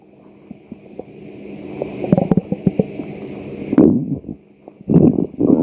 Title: Açlık sesleri 2 - stomach growl-